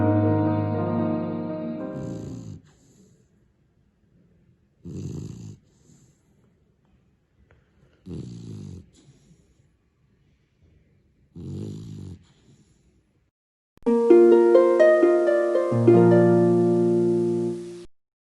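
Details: Female Labrador puppy snoring during sleep: three rough, low snores about three seconds apart, with music before and after.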